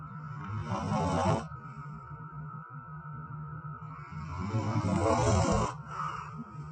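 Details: Snoring during sleep.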